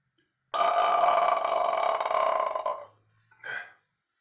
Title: the king of burping